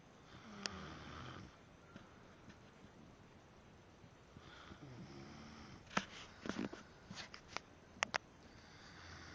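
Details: Snoring: two rattling snores about four seconds apart, followed by sniffs and small clicks in a quiet room.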